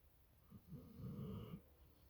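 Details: A pit bull dog lying in bed in the morning snores: one low, rough snoring breath about a second long, rattling with each pass of air.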